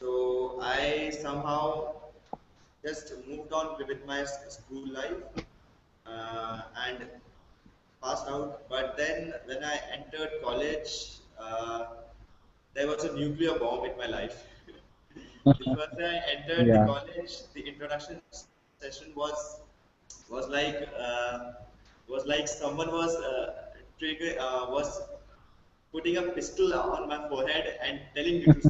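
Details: Man from Delhi who has stammered since early childhood (class one), with blocks, especially on his own name; stuttering.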